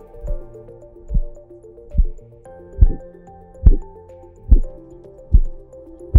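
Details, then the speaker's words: Korotkoff sounds of blood flow during cuff deflation in blood pressure measurement, heard with a digital stethoscope (Stemoscope): regular soft low thumps at about 71 a minute. "traditionally blood pressure is measured with a cuff and a stethoscope and the stethoscope is used to detect the sounds of blood flow during cuff deflation so called korotkov sounds"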